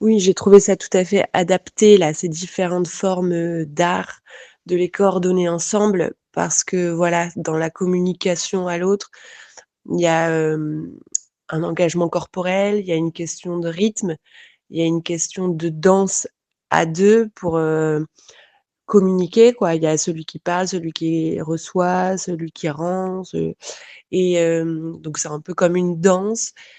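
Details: Adult speaker; ordinary speech.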